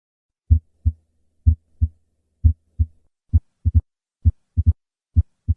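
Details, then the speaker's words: Simulated heart sounds near 65 a minute, bell at the apex, left lateral position: three normal beats, then an extra sharp snap soon after the second sound before the mitral stenosis murmur; opening snap of mitral stenosis. "i will start with three normal beats and then add an opening snap and finally the murmur of mitral stenosis"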